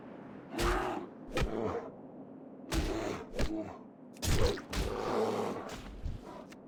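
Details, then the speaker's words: A cat snoring loudly in the background, heard by someone wearing headphones: snoring. "I can hear the cat snoring behind me, and I have headphones on. Cat is snoring like crazy."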